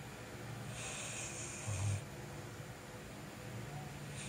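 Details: An exhausted bullmastiff resting snores: a low rumbling inhalation with an airy hiss, then a quieter exhale.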